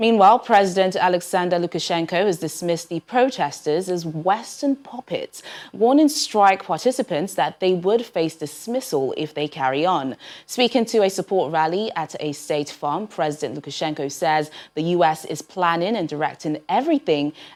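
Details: Adult female newsreader; normal speech.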